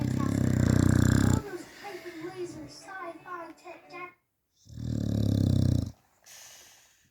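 Loud, deep, rattling snores from a sleeping dog, with softer snuffling and breathing between them.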